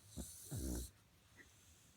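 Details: A cute snore; snoring.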